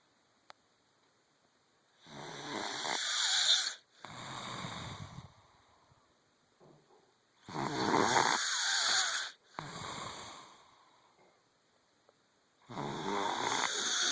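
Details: Person snoring like a baby bear: loud, harsh snores recurring about every five seconds, roughly twelve a minute, in a quiet room.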